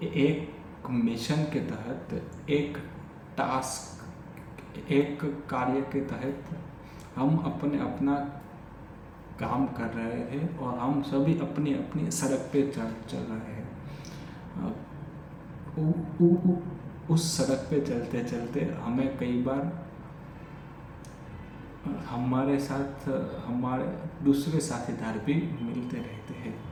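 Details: Adult male with stammering since childhood, speaking spontaneously in Hindi during a daily stammering-practice session (day 45); repetitions of words and phrases; stuttering.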